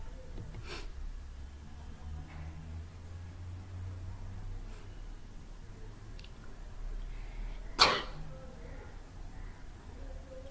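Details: A single short, sharp sneeze against quiet room noise, from a person who can't stop sneezing.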